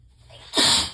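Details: Person with a severe nasal tickle, struggling to sneeze and later needing to blow their nose: a brief quiet intake of breath, then one sharp, forceful hissing sneeze that fades out.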